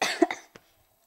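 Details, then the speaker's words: Two or three short, dry coughs then a faint softer one, with a dry throat for about a week, sore at night, cough worsening; dry irritated cough without wet rattling. "it was just dry but now I'm starting to cough a little bit more so just want some warm stuff to you know soothe my throat"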